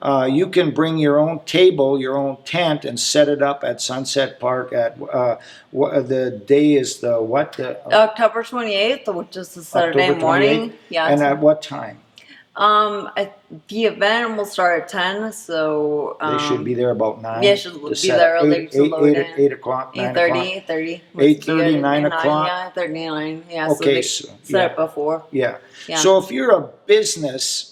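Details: Woman with spinocerebellar ataxia type 10 (SCA10), a degenerative cerebellar disease, reporting speech difficulty; ataxic dysarthria.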